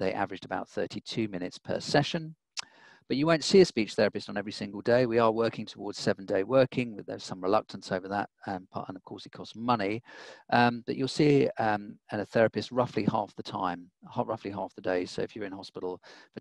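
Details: Adult male speaker; normal speech.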